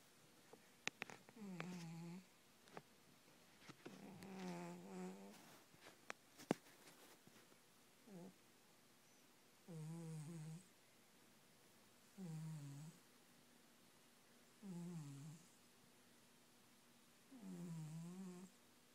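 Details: Cat snoring while asleep: regular buzzing snores on each breath, about one every 2.5 seconds (roughly 24 a minute), after some rustling at the start.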